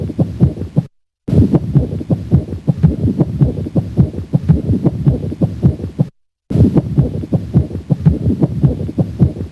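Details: Harsh, scratchy, grating pericardial friction rub heard at the cardiac apex on auscultation, repeating with each heartbeat.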